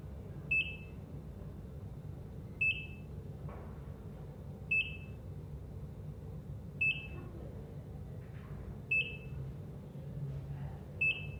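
Regular high-pitched monitor beeps, about 29 a minute, over a low room hum; the steady pacing tone of a heart monitor.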